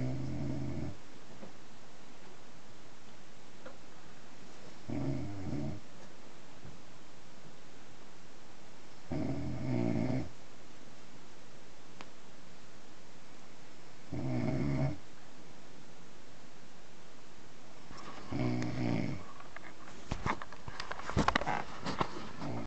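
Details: Partner snoring in bed in the dark: low, rumbling snores about every four to five seconds, roughly 13 a minute, with rustling at the end; sleep snoring that sounds like a dog.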